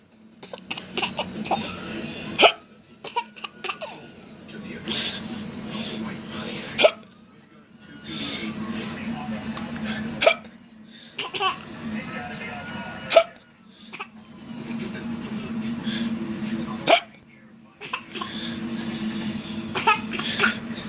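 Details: Hiccups during laughter: repeated bouts of laughing broken by sharp hiccup catches, with music in the background.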